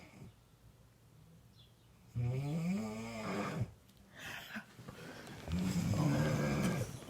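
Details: Snoring: deep, rumbling, loud, man-like snores with a throaty vibration on each breath.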